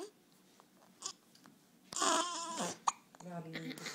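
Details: Baby sister's infant hiccups: short, sharp catches of breath recurring between cooing and fussy vocal sounds.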